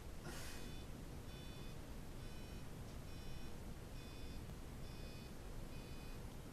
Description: In a patient with Parkinson's Disease and additional cerebellar atrophy, the application of bilateral Tone Bursts at 500HZ, stimulates the saccules of the inner ear and improves tests of balance.